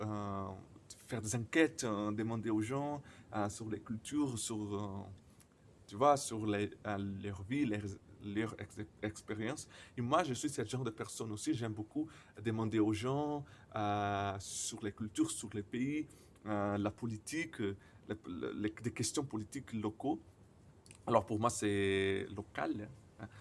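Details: Stuttering in a man speaking French.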